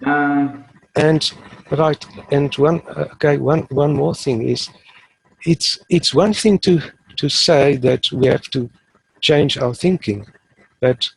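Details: Adult male who has stuttered since age 3 or 4, now fairly fluent using the passive airflow technique, so stuttering may be mild or absent here; stuttering.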